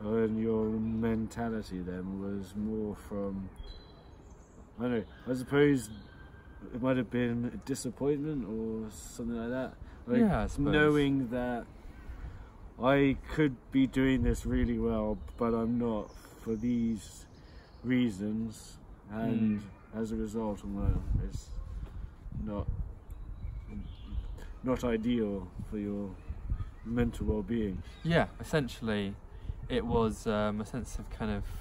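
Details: Adult who stutters (self-described stammerer) speaking on a podcast about stuttering and speech techniques; stuttering.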